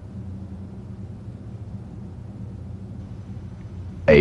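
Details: Stethoscope diaphragm over the renal artery in auscultation teaching for a hypertensive patient; no bruit heard; normal renal artery auscultation.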